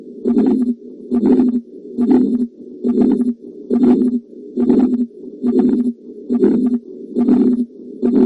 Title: auscultation heart murmur